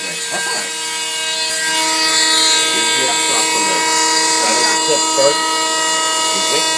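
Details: Oscillating saw cutting off a full-leg plaster cast six weeks after patellar tendon reattachment surgery: steady high-pitched whine with grinding; faint talk in background.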